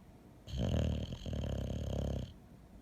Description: My Boxer dog Astro snoring